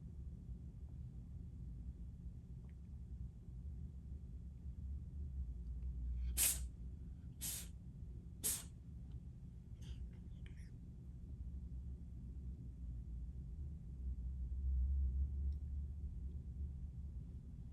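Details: Cat sneezing: three quick, sharp sneezes about a second apart in a quiet room, then a couple of soft snuffles.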